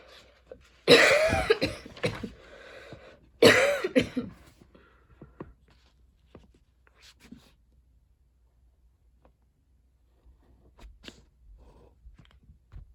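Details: Persistent, lingering cough while studying: two loud, harsh bursts of several coughs each, then a quiet room with faint rustling. The cougher reports heavy breathing lately and constant throat tickles.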